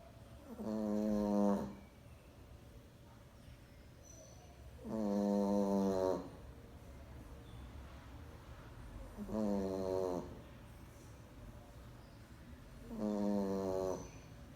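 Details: A sleeping pet Boston terrier gives four loud, droning snores with a regular rattle, about 14 breaths a minute, over quiet room noise; snoring.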